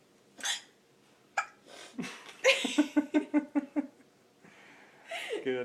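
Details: Girl with hiccups, after laughing at her mother's hiccups: a run of about six short, rapid voiced catches among breaths and voice sounds; hiccups.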